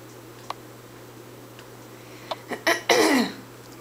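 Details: Cough from the recorder while Caboose, an animal, makes sounds as if protesting; a sneeze ("Achoo!") just before; cough.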